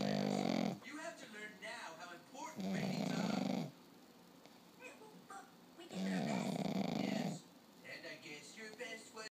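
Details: Pug Tater napping: loud, rough, rattling snores alternating with snorting, gurgling exhalations from a small flat-faced dog.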